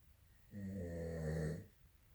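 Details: An adult man snores during sleep: a single loud, buzzing, vibrating snore lasting about a second; ordinary snoring.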